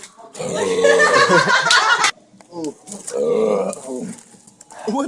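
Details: Belching during a drinking session: two long, loud, rumbling throaty belches, with brief laughter and voices between them; burping.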